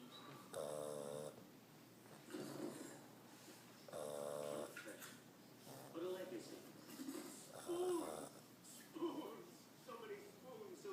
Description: My sister's pug Nacho snores like a big man!!!... SO LOUD!!!